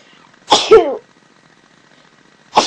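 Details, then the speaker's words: One sharp sneeze with a short voiced burst and the start of another at the end from a young woman; ordinary sneezing, she says she sneezed twice. "I just sneezed like twice."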